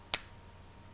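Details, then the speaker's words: One sharp, dry click from a fertility injection pen during a 300 dose self-injected by a 39-year-old woman preparing for IVF; injection pen click. "and now I'm going to put the 300 in you might be able to hear it pop and that's the cap letting me know what's going in each little injection there we"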